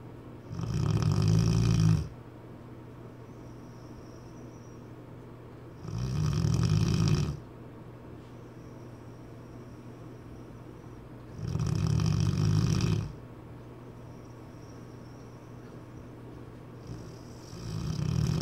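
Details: Cane Corso dog, sleeping, snoring loudly: deep rattling snores on each breath, about twelve breaths a minute, with quiet pauses between.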